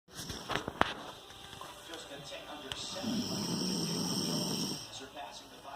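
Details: Snoring contest between a dog and a teenager: a long, low, rumbling snore on one breath, with room noise and faint talk in the background; ordinary snoring.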